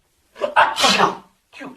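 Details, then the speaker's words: A father's single loud sneeze, made playfully for giggling babies: a quick intake of breath, then the sneeze and a brief softer sound, followed by "Woah, that was huge. Need a tissue?" An ordinary sneeze. "ACHOO! WOAH, THAT WAS HUGE. Need a tissue?"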